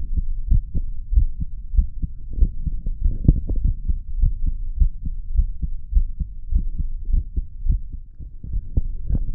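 Repeated low heartbeat thumps over a rumbling, uneven background.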